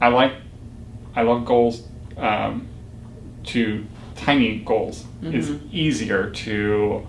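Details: Young stroke survivor, male, who had severe aphasia after his stroke, now in ongoing recovery: aphasia.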